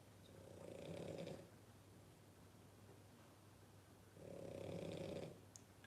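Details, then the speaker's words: Boston Terrier dog, born October 2019, snoring while asleep: two soft, rattling snores about four seconds apart on inhalation, quiet between them, and not loud in the room. "he's snoring Barbara exactly fast Pier it's amazing you guys can hear it so well because it doesn't seem that loud but obviously you guys can hear it which is cool"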